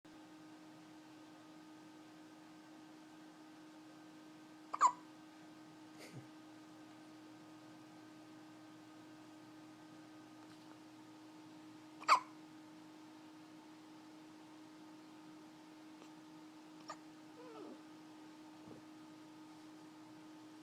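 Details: Two sharp, isolated hiccups about seven seconds apart in a quiet room with a steady background hum, at 3 a.m. after a meal; hiccups.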